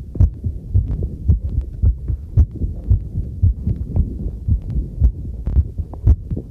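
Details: Own normal heartbeat recorded with a homemade field stethoscope microphone during housework: steady paired thumps at roughly 110 a minute, with faint clinks and water noise behind.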